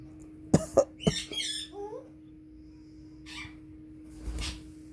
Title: Congo African Grey Talking, Coughing